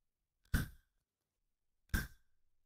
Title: Sound FX - Inhaler Puff (SFX)